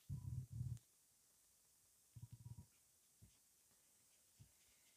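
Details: Stomach rumbling after 23 hours without food: low gurgling rumbles in short bursts with quiet gaps between, typical of an empty, hungry gut.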